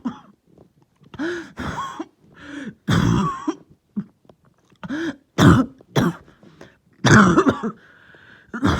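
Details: Lingering cough that started last night, with headache: about a dozen harsh coughs and throat-clearing bursts in nine seconds, some with a throaty rasp; irritated cough.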